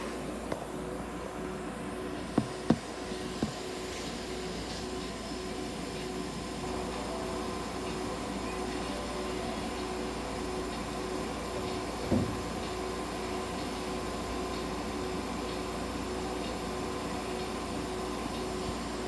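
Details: Veterinary ICU incubator running, providing warming, humidification and oxygen therapy for a sick budgerigar: steady droning machine hum with faint tones and a few clicks.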